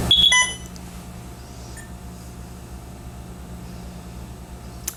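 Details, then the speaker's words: IV infusion pump being switched on with the system-on button before programming an infusion: a short rising series of electronic beeps, then a steady quiet hum as it warms up; pump start-up. "to turn it on we're going to use the system on button that looks like a bull's-eye once you push it the system will warm up and turn on"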